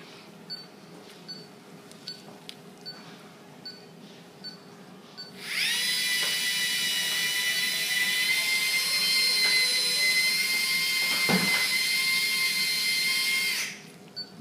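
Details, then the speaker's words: Dental polishing cup (prophy angle) on a small handpiece smoothing a dog's tooth after scaling during a dental prophylaxis under anesthesia: high steady whine for about eight seconds, then stopping. "so when this little instrument starts up there's a little bit of noise again so i'll stop talking and i'll polish karmas"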